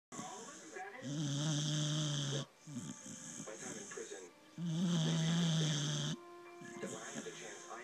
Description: He's one content dog. Lol. My soap opera watching bored him to sleep.